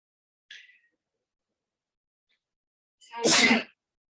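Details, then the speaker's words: Single loud explosive sneeze after a brief nasal sniff, in a smoker whose allergies are being triggered, possibly by a cannabis strain's terpenes or pesticides. "Definitely affecting my allergies. I don't know if this is from pesticides. I don't know what it might be from."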